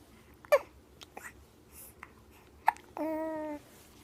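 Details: Annoying hiccups: two sharp hiccup catches among soft baby babbling, ending in a short whine.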